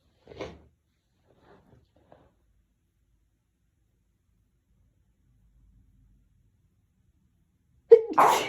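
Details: Hitchy sneeze build-up: faint catching breaths and a long quiet build-up ending in one sudden, loud, explosive sneeze: sneezing.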